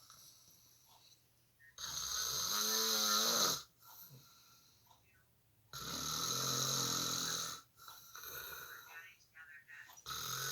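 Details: Father snoring during online school: loud, harsh rattling snores about 15 a minute, quiet pause after each breath in, faint background talk; snoring.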